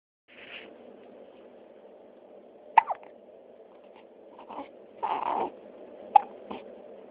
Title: Hiccups in the morning